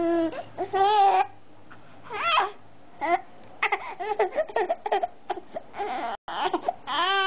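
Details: A 5-month-old infant crying in repeated wailing bursts with whimpers and fussing between cries. Hiccups noted around this time. Infant cry.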